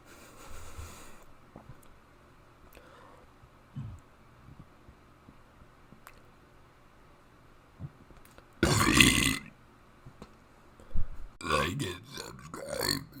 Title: Burping The Alphabet